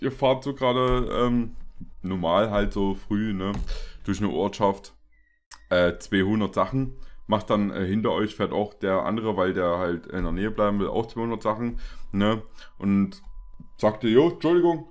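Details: Adult male speaker; ordinary speech.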